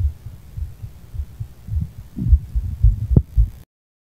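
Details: Low, muffled heartbeat thumps repeating fast, about 110 a minute, over rumbling noise, recorded after weed; a quick heartbeat.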